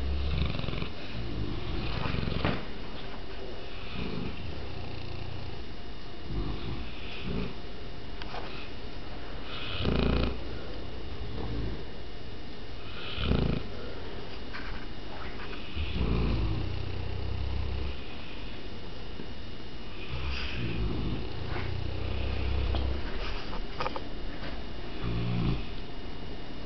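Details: Deep, rumbling, overlapping snores in a slow irregular rhythm from two sleeping Mastiff dogs in a quiet room: snoring.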